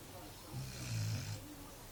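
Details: Sleeping dog, with owner also snoring: one low rumbling snore on a breath over steady room noise.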